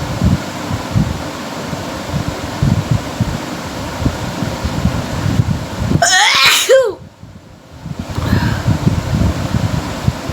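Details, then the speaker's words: Sneeze recorded for a sneezing challenge: one voiced, forceful sneeze, a rising 'ah' then a sharp burst, over a steady background rumble. "আজকে হবে sneezing challenge, only for sneezing, আর কিছু না, শুধু sneezing challenge হবে।"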